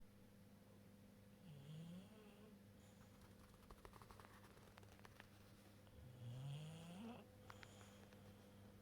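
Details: Sleeping bulldog almost 2 years old snoring: two low, rising, rattling snores about five seconds apart over a steady electrical hum.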